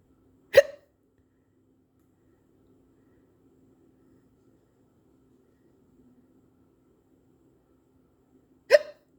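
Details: Two short, sharp hiccups about eight seconds apart with near silence between, while the person tries to fix their hiccups.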